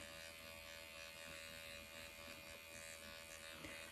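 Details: MD Needle Pen microneedling self-treatment of the nose at 1 mm depth, avoiding the bridge, in straight lines and small circles over the nostrils and tip, under numbing ointment: steady high-pitched electric buzz of the motorized pen.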